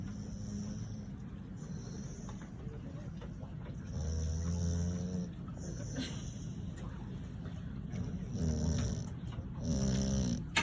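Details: Blue Heeler (Australian cattle dog) snoring while asleep: deep rumbling snores with some higher whistling snorts over steady background noise.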